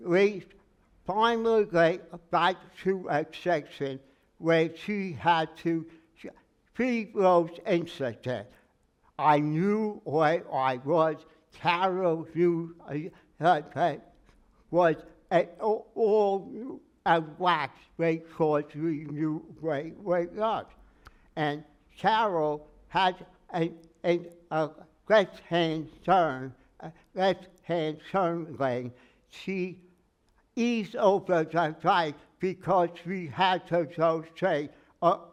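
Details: Adult man with aphasia after a stroke, noticed on waking; speech never recovered beyond about 80%; in speech therapy and an aphasia group; word-finding errors and garbled phrases; aphasia after stroke.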